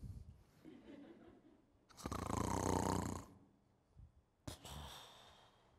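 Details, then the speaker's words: Simulated demonstration: an adult imitates loud snoring that stops, then a sudden snorting gasp, illustrating a bed partner choking during sleep in obstructive sleep apnea. "my spouse bed partner chokes during sleep like maybe it's that person the image I just showed what's going on there that's sleep ATA I'm going to do a little demo"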